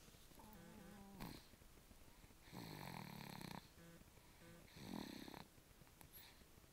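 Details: Sleeping baby: soft rattling snores on the in-breath roughly every two seconds, with faint music and room noise behind; infant snoring.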